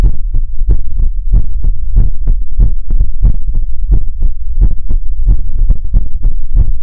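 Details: ASMR relaxation livestream heartbeat sound: loud, fast, deep thumping pulses in a heartbeat-like rhythm.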